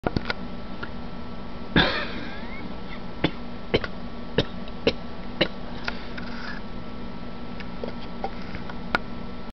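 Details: A single soft, brief human cough against a steady low room hum, with a few faint clicks, recorded while testing a camera feature.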